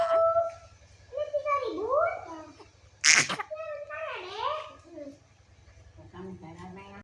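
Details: Baby girl laughing and squealing, interrupted by a single sharp cough burst brought on by laughing, then more laughter.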